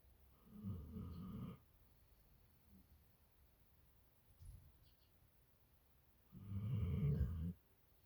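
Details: Dog, possibly a pit bull, sleeping in bed in the morning: two low, rattling snores about five seconds apart with quiet breathing between them.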